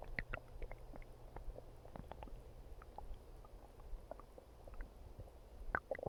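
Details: Close-up recording of stomach growling: low gurgles with scattered clicks and pops; bowel sounds (borborygmi).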